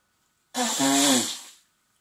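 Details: Man and woman at home, both sick with a cold, with sniffling and nose blowing: one loud sneeze, a voiced intake then a sharp hissing burst that trails off; sneezing.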